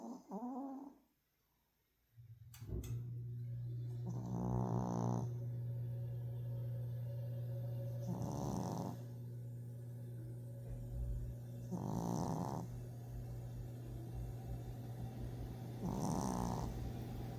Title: A MINUTE OF MY DOG SNORING